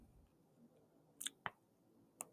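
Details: Jaw noise in a woman with a two-day migraine whose doctor is referring her to a neurologist because of it: three sharp, brief clicks and pops as the jaw opens wide, consistent with temporomandibular joint clicking.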